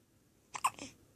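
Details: Newborn hiccups in a one-week-old baby girl just after a bottle feed and burping on the shoulder: one short, sharp, jerky catch of breath in a quiet room.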